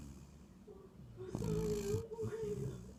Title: Spring snoring